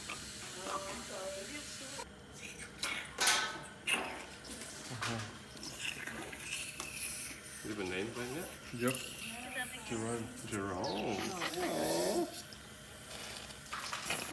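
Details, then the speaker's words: Newborn son crying just after birth: room noise and voices, then several short high wavering cries after he was born not crying, eyes open, and staff took him away to get him crying. "eventually I did hear him cry they got him crying"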